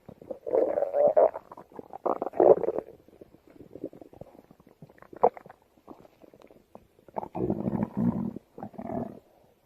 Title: gacha girl puts microphone on her stomach to hear her stomach growl